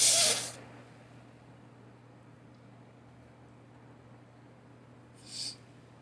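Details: Allergy sneezes: one loud, hissy sneeze burst, then a softer second sneeze about five seconds later.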